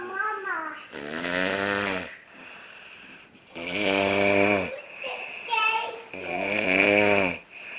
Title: lady snoring